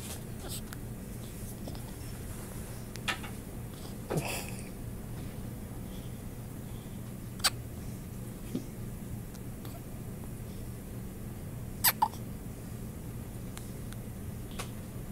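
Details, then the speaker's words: Hiccups in a newborn 4 lb 8 oz baby girl: several brief, high, squeaky catches at irregular intervals over a low room hum, likened to a squeak toy. "She sounds like a squeak toy when she hiccups. It's the most noise she's made."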